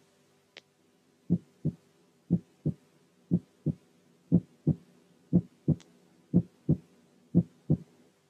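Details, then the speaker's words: Normal heart sounds at a heart rate of 60/min: regular paired S1 and S2 close together, each pair followed by a long pause (diastole), making systole and diastole easy to identify. "أولا، لو كانت الهارت ريت طبيعية أو بطيئة بيبقى سهل، لأن الهارت بيتس بيكون بينهم مسافة كبيرة نسبيا، فبنسمع الفيرست ساوند والسكند ساوند جنب بعض وبعديهم مسافة كبيرة، زي المثال الآتي."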